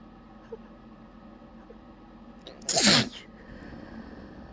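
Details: A single loud, sharp sneeze over steady room noise, from someone who tried to hold back sneezing after a first sneeze.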